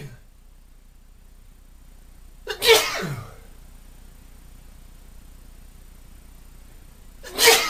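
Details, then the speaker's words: Man with hay fever after pollen exposure outdoors: two loud, explosive sneezes, each preceded by a brief in-breath, in a quiet room; part of about half an hour of repeated allergic sneezing. "I've had enough now. Oh, about half an hour's worth of sneezing."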